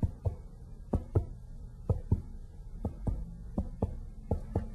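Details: Five pairs of sharp finger-percussion taps moving downward; the note shifts from hollow lung resonance to a duller tap at the liver's upper border.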